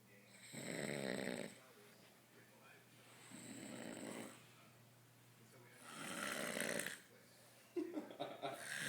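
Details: Drunk adult man passed out on a couch: really loud, deep snoring.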